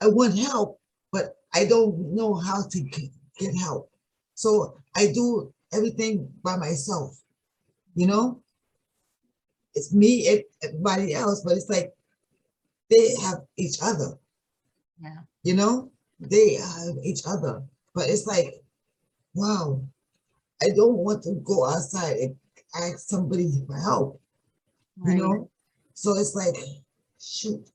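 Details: Aphasia in an adult woman with sudden onset one morning about three and a half years earlier; it is not primary progressive aphasia and is due to stroke or brain injury.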